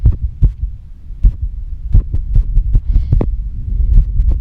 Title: fast female heartbeat with heavy breathing